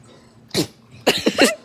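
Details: Two sharp, explosive bursts of air, the second longer and voiced, which someone afterwards calls fake; possibly a faked sneeze.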